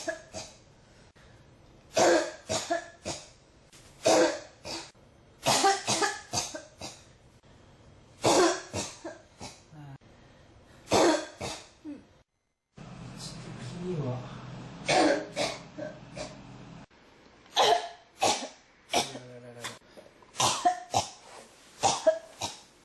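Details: Persistent cough: repeated bursts of dry-sounding coughing in clusters, barely pausing across the whole stretch.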